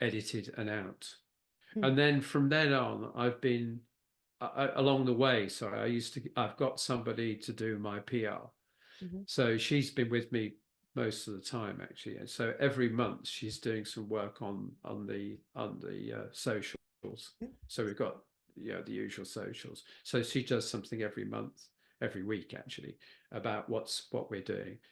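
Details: Post-stroke aphasia with word-finding difficulty in a man who had a stroke at age 69, a brain bleed affecting Broca's area.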